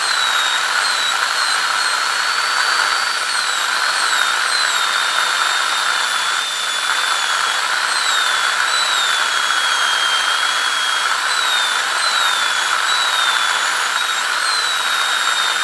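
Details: Steady high-pitched whine with water-spray hiss, pitch varying slightly as a high-speed dental drill cuts a tooth preparation, during an ADC practical exam demo of an FGC preparation on tooth #36.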